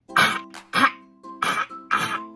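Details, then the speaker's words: Dog gives four harsh, dry hacking coughs in quick succession over background music; owner describes such crunchy coughing, especially at night, and reverse breathing when excited, as warning signals. "狗狗最怕时不时的给你来那么几下像刚才那样的声音，尤其是半夜的时候，真的太吓人了。它其实是在给你发信号，像这么咔咔咔的磕，或者一激动的时候就倒吸气。"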